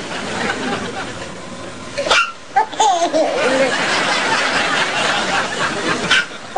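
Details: A few sharp, sudden infant hiccups with a brief voiced squeal over steady background hiss; baby hiccups.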